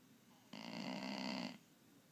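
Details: Pit mix rescue puppy snoring after a hike: a single buzzing, rattling snore about one second long against a quiet room; ordinary snoring in a sleeping dog.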